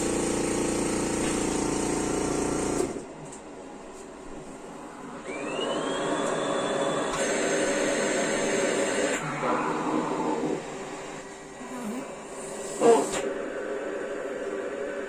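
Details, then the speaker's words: Steady blowing alternating with quieter suction phases as a cough assist machine fills the lungs, then pulls the air out to simulate a cough: mechanical insufflation-exsufflation in a special-needs child in bed, whose oxygen has been dipping, to encourage deeper breaths. "so i've mentioned before what the cofficist does but basically it simulates a cough in her it forces air into her lungs fills her lungs"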